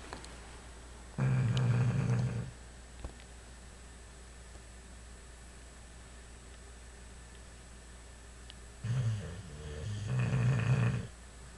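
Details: A bulldog snoring while asleep.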